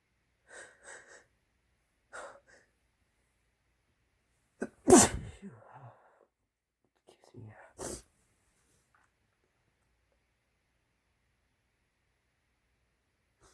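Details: Several soft breathy build-ups, then two loud forceful sneezes with a brief nose blow between, from compiled older clips; ordinary sneezing.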